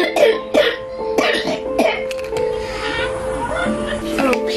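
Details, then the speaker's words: Young boy with fever lasting 6 days (starting at 100.2), ill alongside family members with suspected but unconfirmed COVID-19. Repeated short bursts of very productive, wet coughing with audible mucus moving: productive cough. "His cough was very productive, and you can hear the mucus moving up and down."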